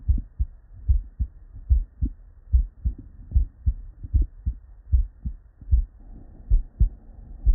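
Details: Real, unedited bedside auscultation of a human heart with normal cardiac physiology: steady lub-dub at about 75 beats a minute with clear first and second sounds, normal heart sounds (S1 and S2).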